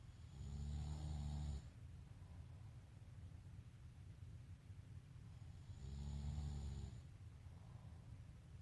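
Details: Adult man snoring heavily while asleep at night, recorded in 2019: two loud, deep, rattling snores on breathing in, separated by quieter breathing.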